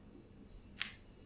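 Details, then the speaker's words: Left knee, bearing weight, clicks when straightened from deep flexion (about 70 degrees) starting from a short lunge: a single sharp click as the knee comes out of full flexion, a problem ongoing for a couple of months. "so we'll try it again starting from a short lunge and you can see the knees in full flexion and click"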